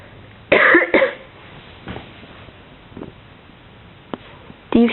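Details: Cat coughing: two short forceful hacking bursts, quieter sounds, then a final burst, in a quiet room.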